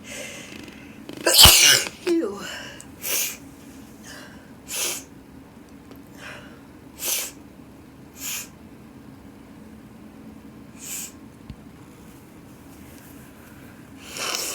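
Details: Winter sneezing with snow: one loud explosive sneeze, then a series of short sharp nasal sniffs and nose blows into tissues; sneezing.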